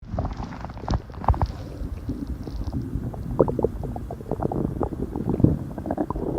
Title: stomach growling super loud and crazily